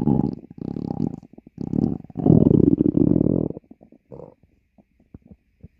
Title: stomach growling.